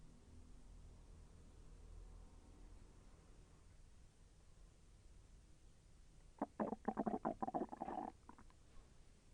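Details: Stomach growling during digestion, intestine moving and slightly painful: quiet room, then a burst of rapid bubbling, rolling gurgles under two seconds; bowel sounds.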